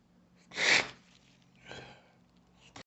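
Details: Strong sneeze: one loud, forceful hissing burst followed by softer snuffling breaths.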